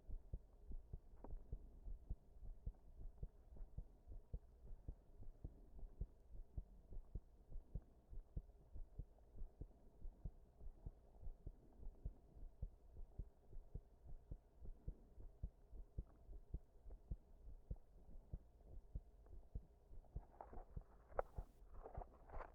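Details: Heart sounds recorded under pressure while standing against a wall after an all-night stay-up: fast, uneven thumps at about 105 a minute with an irregular rhythm suggesting arrhythmia.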